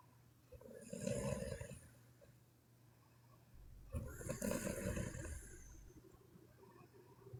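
Two loud, rattling snores on breathing in, about three seconds apart, with quiet breathing between; snoring.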